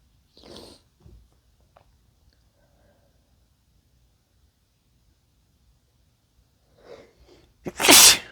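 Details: Male induced wet sneeze: soft breathy build-up inhalations then one loud, explosive wet sneeze at the end; sneezing.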